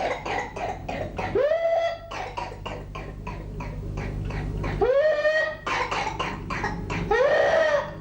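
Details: Whooping cough (pertussis): runs of rapid, repeated coughs broken by three high-pitched whooping in-breaths.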